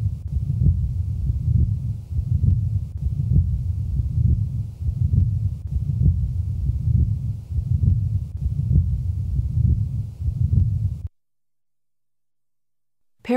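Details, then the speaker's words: Continuous low rumbling murmur of patent ductus arteriosus recorded at the left base, heart rate around 68 a minute. "now listen to the typical murmur of patent ductus arteriosis recorded at base left"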